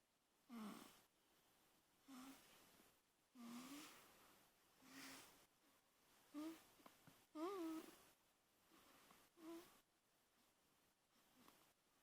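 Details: Noisy breathing during sleep: slow breaths, about seven in twelve seconds, with brief whistling, squeaky tones on some breaths, in a quiet room.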